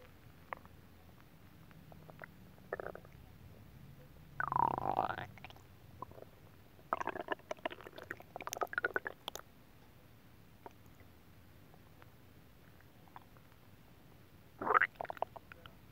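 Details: Adult belly after eating a whole pot of Japanese nabe stew, with light belly rubbing and a faint TV in the background: scattered bubbling, squelching gurgles and a few longer rumbles; borborygmi.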